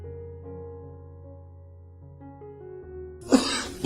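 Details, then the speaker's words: A single harsh adult male cough after soft piano music; the man has had lost voice and a persistent cough for about a week. "Por exemplo essa semana eu perdi a voz fiquei desde domingo ainda estou muito ruim minha voz tá tá voltando aos poucos essa tosse que não sei mais o que fazer"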